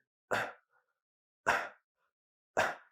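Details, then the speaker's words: Three short, forceful expiratory grunts at regular intervals, an adult's imitation of infant expiratory grunting against a closed glottis, described as a sign of breathing distress in babies. "against a closed glottis when they breathe out and that causes that grunting sound that a sign of distress"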